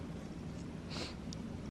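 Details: Cat sneezing on its food, owner suspects pollen allergy: a single brief, soft hissing burst over low background rumble, with a faint second puff after it.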